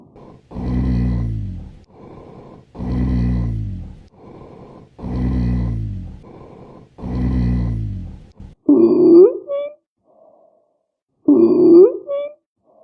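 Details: Repeated breaths carrying a low, musical whistling tone, a wheeze from narrowed airways, given as an abnormal lung sound example.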